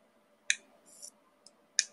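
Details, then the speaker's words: Plasma pen handpiece switched on with power and frequency set, producing sharp high clicks and a brief crackling buzz as it sparks, described as high power. "you can see the spark it's very high power the similar product on the market is very low power"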